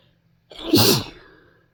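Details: A single forceful induced sneeze with a short intake before a loud, hissing burst; an ordinary, normal sneeze.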